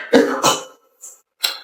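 Two quick harsh coughs, then a short throat-clearing burst; acted with voice effects.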